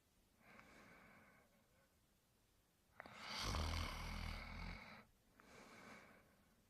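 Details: Slow rhythmic breaths with a loud, rattling snore on one inhalation; acted cartoon imitation of a dog character (Brian Griffin) sleeping and snoring.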